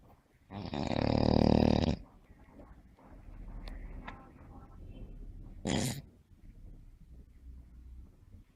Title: The sound of snoring during sleep